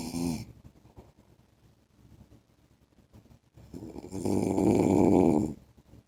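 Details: Adult man (husband) snoring during sleep: loud, rough, vibrating snore on the in-breath with quieter breathing between.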